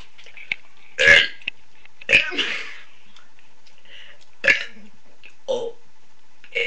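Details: A woman burps about five or six short, voiced belches separated by silence while attempting to recite the alphabet in French.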